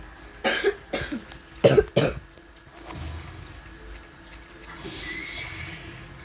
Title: playing dress to impress but I have a cold (gross coughing ⚠️)